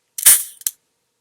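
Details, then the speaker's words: Single sharp hissing puff and brief click: a fast-acting, short-acting bronchodilator metered-dose inhaler with propellant, fired into the air as a demonstration (dose wasted) by a person with asthma. "you saw that i squeezed it you heard a puffing sound it uses a propellant just like think like cooking spray or something else that that uses a propellant and it shoots the medication out as you're inhaling it"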